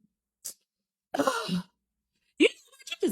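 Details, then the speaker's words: A short, forceful burst with a voiced cry, then a second explosive burst in a quiet room; an exaggerated, "extra" sneeze. "get on my nerves i always got to be something with you you always got to make a big deal out of something you can't just knees regular it just got to be all extra and stuff"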